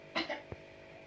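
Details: Simulated nursing procedure demonstrating deep breathing and effective cough: the patient inhales for about three seconds, then gives a single forceful cough followed by a short throat sound; acted demonstration.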